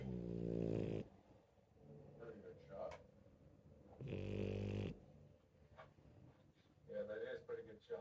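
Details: Rescue puppy asleep: two low, buzzing snore breaths, with faint television dialogue in the background; snoring.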